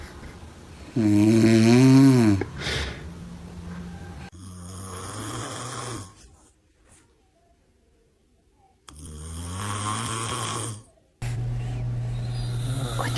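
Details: Father snoring while his baby reacts, seeming scared: loud, rough snoring bursts with a long quiet pause between them, plus a brief baby sound; ordinary heavy snoring.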